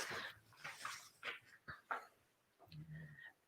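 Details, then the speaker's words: Pet dog asleep in the evening, heard in the background of a live stream: short, irregular snuffling breaths and soft snores of restful sleep; snoring and snuffling. "oh my gosh pucky is back to being snoring again i can hear it it's so cute so if you do hear snuffling in the background that is a pucky enjoying his little evening sleep"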